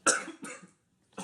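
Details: Cough: two quick harsh coughs in a row, then a third starting, from a man while he smokes a cigar.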